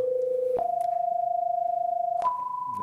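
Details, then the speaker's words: Pure-tone hearing test tones from 1 kHz up to high frequencies, stepping upward in pitch to show hearing range; shown in a discussion of age-related hearing loss, which starts at high frequencies. "그래서 실제로 우리가 들을 수 있는 주파수 들을 저주파 부터 곳이 파 까지 한번 들어보시면 좋을 것 같습니다"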